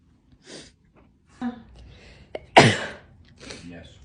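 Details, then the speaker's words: Man sneezing: a sharp catch of breath, then one loud explosive sneeze, with soft voices around it. "Oh my gosh. Are you sneezing on me?"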